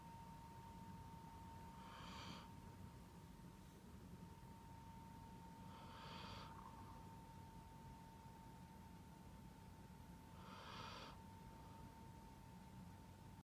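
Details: Dog sleeping after playing for a long time, snoring softly and snuffly about every four seconds with a steady hum and low rumble behind; harmless sleep snoring.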